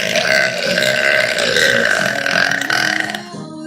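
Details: Young woman letting out a long, loud, rough voiced burp lasting over three seconds, with faint background music; belching.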